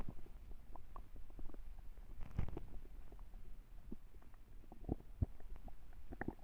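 Low, rumbling, gurgling noises that rise and fall continuously: a hungry stomach growling, a normal bowel sound.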